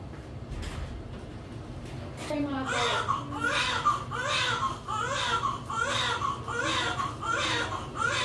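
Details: Newborn baby girl just after normal spontaneous vaginal delivery: steady, rhythmic crying, about 78 cries a minute, faint room noise; a normal vigorous cry after birth.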